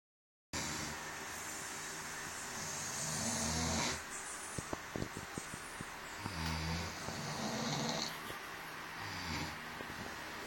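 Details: In a snore battle, rough, low snoring sounds with a few sharp clicks over steady room noise; more than one snorer may be present; snoring.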